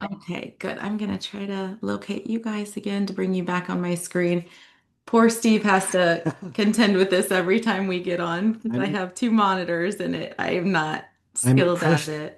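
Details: Adult woman speaking; ordinary speech.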